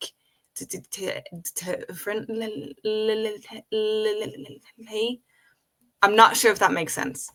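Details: Adult woman with a real developmental stutter present since age five, speaking spontaneously in English conversation; stuttering.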